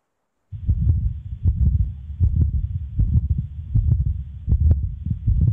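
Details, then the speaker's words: Continuous murmur of a patent ductus arteriosus, replayed as heard at different areas of the precordium in a short-case teaching webinar: continuous murmur. "So I will play once again, just to concentrate on the continuous murmur again at the different areas of the pericardium."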